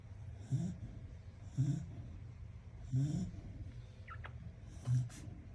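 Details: A dog snoring with short, low rumbling snorts and a faint airy hiss every one to two seconds in a quiet room.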